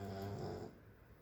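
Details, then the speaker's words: Pet dog snoring away in the background while asleep: one low, rumbling snore fading to quiet room sound. "I don't know if you can hear her in the background but she is snoring away"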